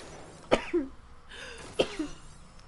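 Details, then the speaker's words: Gamer sneezing during play: two sharp explosive sneezes about a second apart, each with a short voiced tail, over faint room noise. "I got that kill while sneezing Get Wrecked oh my God I can't believe I actually got that"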